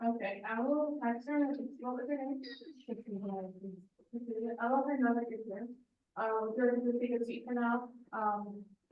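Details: Adult woman speaking; Normal voice.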